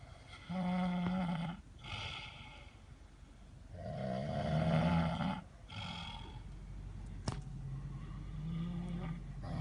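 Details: Person snoring while sleeping overnight in a car: loud, rough, rumbling snores with each breath, roughly 16 a minute, irregular in strength; heavy snoring.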